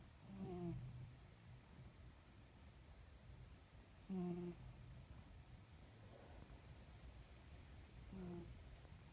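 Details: Cat snoring during a nap: soft rhythmic snores, about three in nine seconds, each a low rumbling breath with a faint whistle, in a quiet room.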